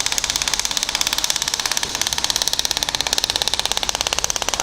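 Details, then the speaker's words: Rapid steady clicking pulses, about 13 per second, from a radial compressed-air shockwave device at low power, with the frequency increased, applied to the plantar area of the foot to treat plantar fasciitis. "i'm gonna change the frequency only to be faster and we're just going to give our goal in this case i'm going to go over the planter area"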